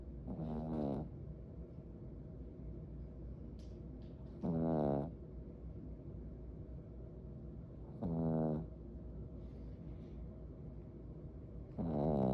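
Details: Dog sleeping after a busy day, snoring steadily with a low rumbling snort at each breath, about 16 breaths a minute.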